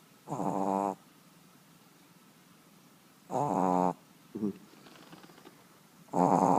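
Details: Sleeping Yorkshire terrier snoring: short, buzzy, nasal snorts recurring every two to three seconds with quiet pauses between.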